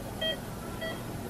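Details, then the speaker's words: Two short, clear electronic beeps about half a second apart over room noise from a monitor in the recovery room, after a young woman's wisdom teeth surgery under anesthesia; monitor beeping. "you hear that machine thing you beeping oh yeah that's what it's for yeah"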